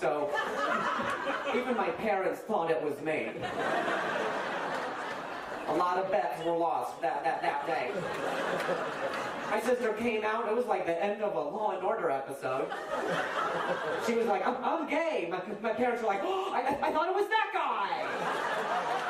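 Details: Adult male speaker on stage; normal speech.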